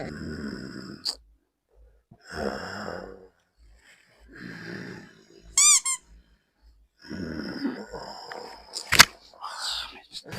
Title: Snoring friend